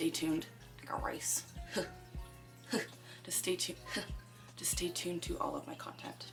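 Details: Young woman with Tourette syndrome whose vocal tics include catchphrases inserted into her speech; vocal tics (Tourette syndrome).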